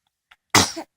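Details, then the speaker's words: Sneezing: a brief catch of breath followed by one sharp, explosive sneeze. "Oh, bless you. Oh, God bless you."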